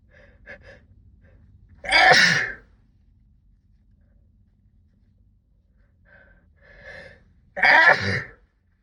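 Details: Two loud sneezes muffled into a sleeve, each preceded by quick catching in-breaths; part of a sixteen-minute sneezing fit brought on by cold weather.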